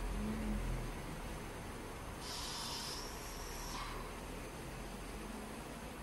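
A single soft hissing puff of airflow over a low mechanical hum, as a ventilator delivers one breath.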